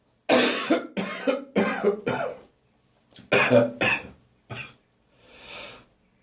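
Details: Persistent morning cough, recorded in a bathroom: a run of about seven harsh, forceful coughs in quick succession ending with a breathy exhale, with a car passing outside midway; coughing and gagging.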